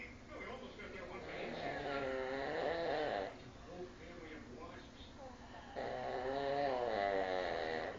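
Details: Loud, rough, rattling snores on two long breaths with a quieter pause between; ordinary heavy snoring during sleep.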